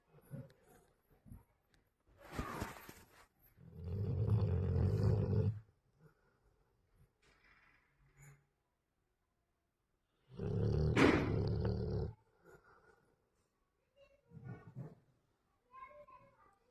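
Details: Two long, low, rattling rumbles several seconds apart in a quiet room, with small noises between them: a sleeping Labrador snoring.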